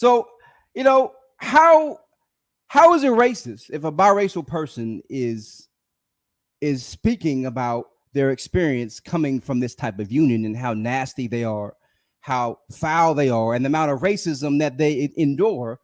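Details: Adult male with a self-reported speech impediment, stuttering during an unedited live stream; stuttering.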